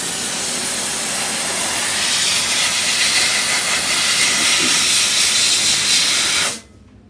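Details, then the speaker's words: Steady loud hiss of a steam cleaner jet cutting off abruptly after about six seconds, steaming stone flash off a poured implant model cast with a soft tissue mask; steam cleaner hiss. "okay so now we can steam that and the little flashes stone will go away and you'll have what you're ready we're good to go"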